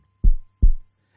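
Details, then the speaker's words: Two deep, clean low thumps a short gap apart, a single lub-dub heartbeat, likely a sound effect in an educational cartoon about a boy listening to his friend's heartbeat. "is listening to his friend's heartbeat you can feel your heartbeat too just put your hand on the left side of your chest and try to feel your heart beat"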